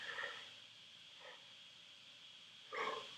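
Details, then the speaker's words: Adult man's stomach growling while hungry during a live coding stream: three brief gurgling, rumbling bursts from the belly; stomach growling (borborygmi). "also my stomach is growling so if you hear that i'm sorry that is my stomach growling i guess i need to eat"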